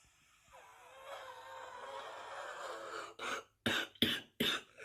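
A long, noisy drawn-in breath followed by four harsh coughs in quick succession; a smoker's cough.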